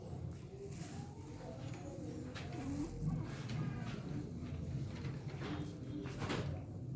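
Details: Noisy breathing in a 3-month-old baby with a low cooing, crowing sound: inspiratory stridor from laryngomalacia.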